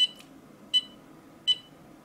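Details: PM10 portable ECG meter with hand electrode held still by an older man with prior triple bypass and fibrillation issues; short high beeps about every 0.75 s (~80/min) during recording, device reported no abnormalities.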